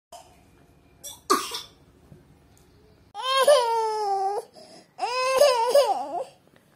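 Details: Young child sick with fever, cough and runny nose, fussy: one short cough, then two long, fussy cries in a quiet room; cough in a child with a cold.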